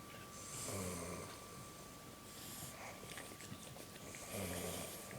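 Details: Snoring: two low rattling snores a few seconds apart, with soft breathy sounds in between and a steady background hum.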